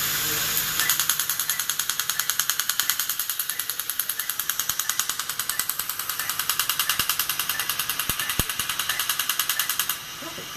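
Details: Rapid regular snapping pulses, about 200 a minute, over hissing water spray: a dental laser removing decay from a back tooth during a filling done without a drill or an anaesthetic shot.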